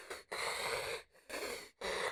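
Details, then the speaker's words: Imitated breathing through a partially obstructed airway, narrowed but not fully open, as with a sleep apnea appliance or CPAP: noisy, airy breaths with a hissy, slightly wheezy edge, contrasted with apnea where the tongue collapses onto the soft palate. "e graphic about it, but when you have sleep apnnea, it sounds like this. All right? It's closed. It's collapsed on top of the soft pallet and the tongue."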